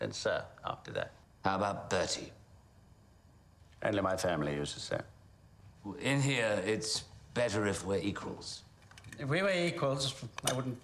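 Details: Acted stuttering: an actor portraying the Duke of York in a film. A speech pathologist calls the blocks and hesitations an authentic form of stuttering.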